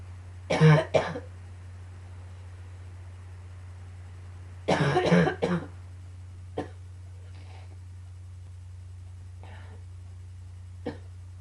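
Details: Coughing fit combined with allergies: two bursts of harsh coughing, then a few softer coughs or sneezes over a steady low hum.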